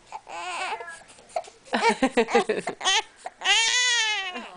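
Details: Newborn baby girl fussing while being filmed, then a full, strong wailing cry in short choppy bursts, soothed with "don't cry, it's ok": a normal, vigorous newborn cry.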